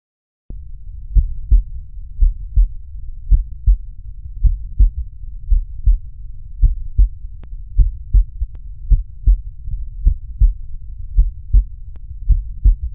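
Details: Cardiac auscultation teaching demonstration over valve auscultation foci: regular low paired first and second heart sounds about 54 a minute; normal heart sounds.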